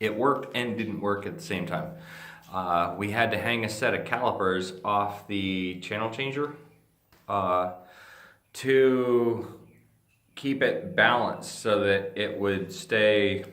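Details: Ataxic dysarthria in a speaker with Friedreich's ataxia, a degenerative neurological disease that he says slurs his speech and also causes difficulty swallowing.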